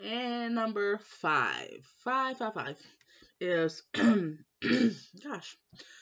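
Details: Young woman who has stuttered all her life since starting school, always in speech class; blocks when stressed; uncle and mother also stutter; stuttering.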